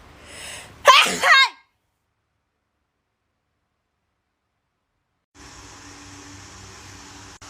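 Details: A girl's single loud sneeze, with a brief intake of breath before the burst, then silence and a steady background hiss.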